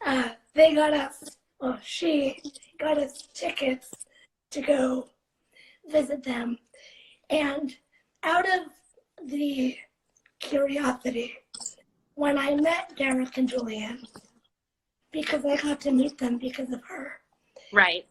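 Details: 17-year-old living with cerebral palsy, speaking spontaneously in a live interview; speech in cerebral palsy, possibly mild dysarthria.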